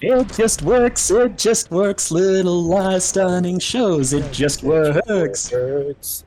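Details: Echolalia in a male streamer, a speech issue he tries to control; repeating others' words quietly, picked up by the microphone.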